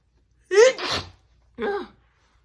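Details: Woman recently recovered from a cold gives two loud, wet sneezes in quick succession, the first with a sharp voiced onset, then a burst of air; sneezing.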